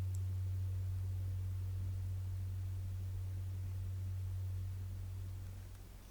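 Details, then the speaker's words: Role-played (ASMR) hearing test: struck tuning fork placed on the bone behind the ear, listener reports when sound stops; steady low pure hum fading slowly. "I will put the tuning fork right behind your ear on the bone. Mhm. Yep. and you will simply relax and let me know when it stops when you don't hear don't feel this sound anymore."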